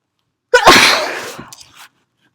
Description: sprayed some perfume and sneezed away, nose blow in the middle.